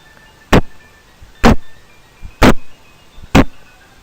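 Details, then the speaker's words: Steady, regular heartbeat at about 63 beats a minute, each beat a firm thump with a softer companion sound, presented as an adult's heartbeat in a lesson: normal heartbeat. "tapi ini bukan beduk Ya ini suara jantung"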